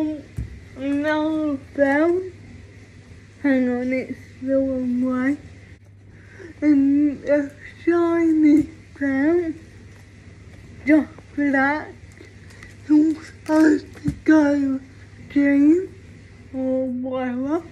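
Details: Speech of a female vlogger with cerebral palsy; no speech diagnosis is named, and dysarthria associated with cerebral palsy is the finding.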